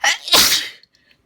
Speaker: I think I'm gonna sneeze again.